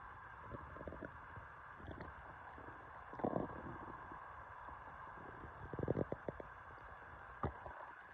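Irregular gurgles and short bubbling rumbles from the abdomen, ordinary stomach growling over a soft steady hiss.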